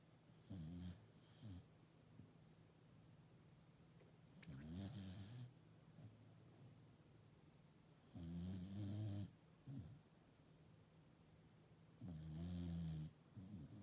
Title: 1080 Sheep Snores 2